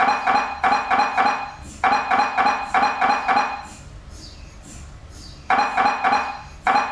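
Loud rapid metallic knocking in repeated bursts with short pauses, the typical sound of an MRI scanner at work.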